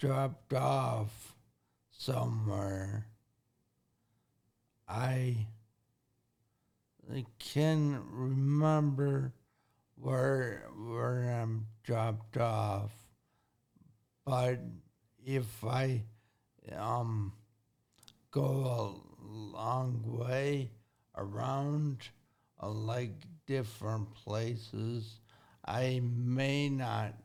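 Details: Acquired speech impairment in a 40-year-old man with severe traumatic brain injury from a car accident at 19, about 21 years earlier. The injury affected his thinking, processing time and speaking speed. He relearned to talk and has had speech therapy.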